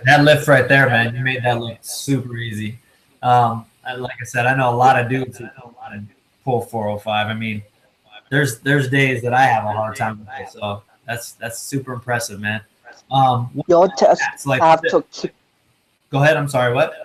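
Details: Adult man speaking; normal speech.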